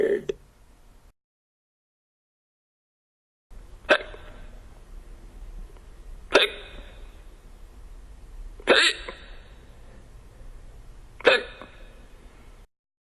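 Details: Five sharp, brief hiccups at uneven gaps of about two to three seconds, quiet between; a woman with hiccups despite an attempted cure.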